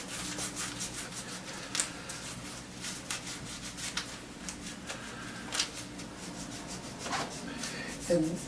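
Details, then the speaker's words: Rubbing fiberglass casting tape: steady scratchy rubbing and brushing as hands massage fiberglass casting tape onto a cast of a dog's foreleg for a custom carpal brace; the dog has slight valgus. "Now that we have that casted, what we want to do is we want to just massage in the fiberglass casting tape."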